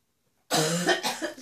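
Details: A wife's cough, changing from chesty to barking: one harsh, loud cough with a rough, barking quality after silence.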